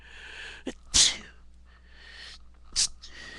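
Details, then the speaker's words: Person sneezing after loose dog hair tickled the nose: two sharp, hissing bursts about two seconds apart, each followed by a snuffle; repeated sneezing. "So it's making me sneeze. Stupid. Stupid. Don't care, it's making me want to sneeze."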